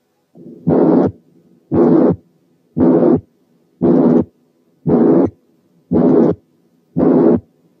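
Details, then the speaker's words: Harsh, rough systolic murmur filling each beat at about 58/min, contrasted with the blowing murmur of mitral incompetence. "وعشان نقدر نابريشيت الكواليتي دي كويس تعالوا نسمع مثال من هارش ميرمر يعني فيها خروشه."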